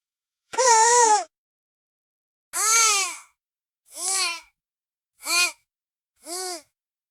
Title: Baby Whining Sound Effect